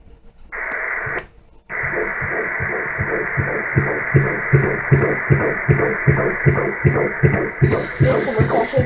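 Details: Fetal heartbeat on ultrasound Doppler at 19 weeks of an IVF pregnancy: fast, regular whooshing pulses, about 150 beats a minute, with some background hiss.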